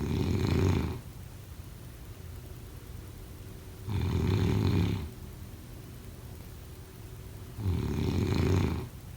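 Three deep, rattling snores on breaths about 16 a minute, quiet between. Snoring during sleep.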